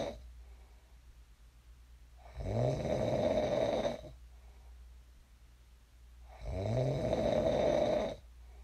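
Two deep, rattling snores on inhalation, about 14 a minute, with quiet breathing between. This is ordinary snoring.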